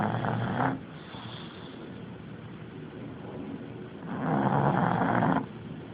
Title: Snoring Machine